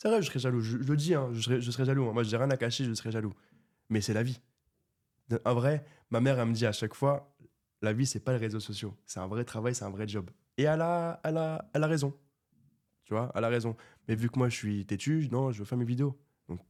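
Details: Stuttering in a 24-year-old man who has stuttered since birth; it was severe in childhood and treated with speech therapy, and it is now mild, mainly under stress and not when doing magic, with little stuttering noted in this episode.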